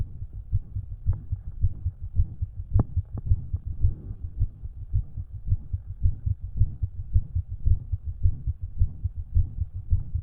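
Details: Self-recorded resting heart through a stethoscope: steady beat with soft extra thuds, possibly S4 (uncertain), and faint rushing of a murmur; the extra sound had gone by later that day.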